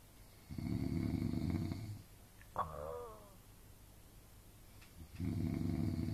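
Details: Two adult parents snoring while asleep in a shared hotel room: loud, low, rattling snores on the in-breath about four seconds apart, with a quieter breath between.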